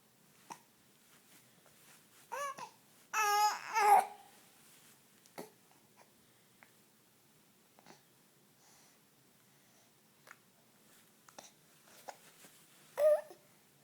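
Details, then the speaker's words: Infant hiccups: soft, abrupt little gulping sounds repeating irregularly in a quiet room, mixed with a few baby vocal noises. "Somebody has the hiccups. Do you have the hiccups?"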